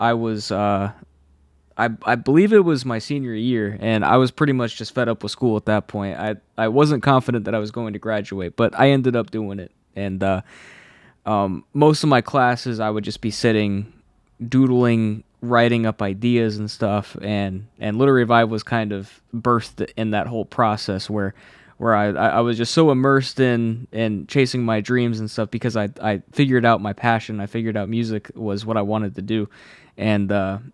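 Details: Adult man who has stuttered all his life since childhood, saw a specialist as a child, and says anxiety worsens it; stutters are left unedited here.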